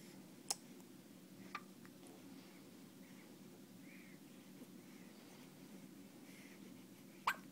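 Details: One-day-old newborn with hiccups: three brief, sharp hiccup sounds about one to six seconds apart against quiet room noise.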